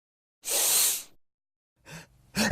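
A sharp, hissing burst of air, then a brief intake of breath and the start of a second burst, like a sneeze.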